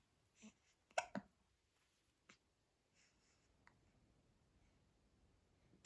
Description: 2 week old newborn baby infant gets her first Christmas tree and hiccups!